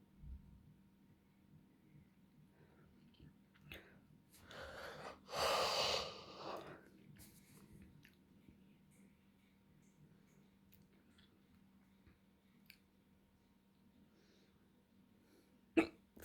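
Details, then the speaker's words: Person deliberately counting through a series of ten hiccups: a long breathy exhale, then one abrupt, sharp catch in the throat, a single hiccup. "I have hiccups. 1. I'm going to do 10 hiccups. 2. 3."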